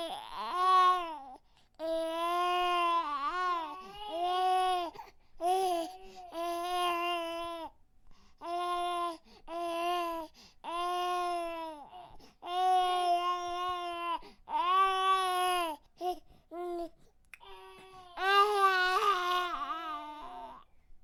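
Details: Infant cries in repeated sustained, high-pitched wails separated by brief breaths; infant crying sound effect.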